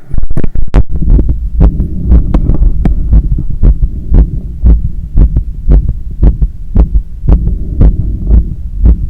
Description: Recording after running 10km outside and climbing up 15 floors of stairs to get home. My heart was visibly hammering inside… sorry for the breathing and the hard pumping sounds.